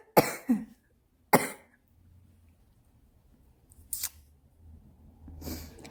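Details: Smoker's cough from a woman who smokes: four harsh, rough coughs in six seconds.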